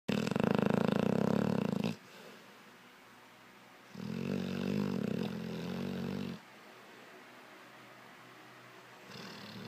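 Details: Sleeping mastiff dog snoring "like a chainsaw": loud rumbling snores on two breaths about four seconds apart, with quiet pauses between; ordinary dog snoring.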